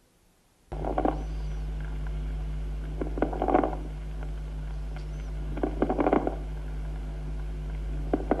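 Bursts of bubbling, crackling sounds recur with each breath over a steady low hum: medium and coarse crackles (rales).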